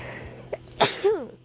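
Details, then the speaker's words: Adult sneezing on a hot summer day while camping in a tent, fan running: a single sharp explosive burst of air then a brief voiced trailing sound over faint steady fan hum; sneeze. "But yes, if you can hear the scars on my sneezes, you can tell it's a hot"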